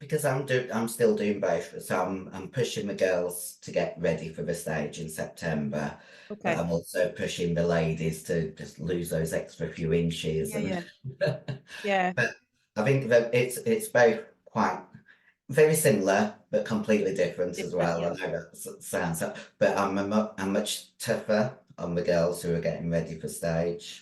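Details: Androgen-induced voice deepening (virilized voice) in a 56-year-old female bodybuilder after large-dose anabolic steroid use, including male steroids; voice formerly high-pitched, now very deep, can no longer sing; also has chronic kidney disease.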